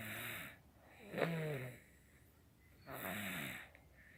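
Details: Snoring: two loud, rattling, snorting breaths a few seconds apart, with quiet pauses between.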